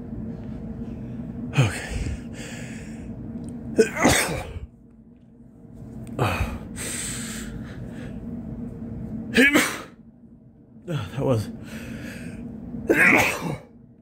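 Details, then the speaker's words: A male with a sniffly nose after going out in the rain: about five loud sneezes in quick succession, each with a gasping intake and explosive release; a sneezing fit. "ah that wasn't it that was that was just oh geez this is a lot ah I got more than that bargain for"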